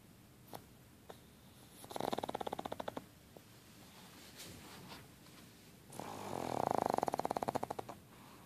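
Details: Pug snoring: two fluttering, buzzing snores about four seconds apart, each about a second long with rapid rattling pulses.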